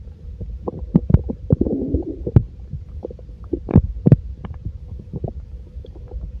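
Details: Frequent low gurgles and clicks from a full stomach; ordinary stomach rumbling, normal bowel sounds.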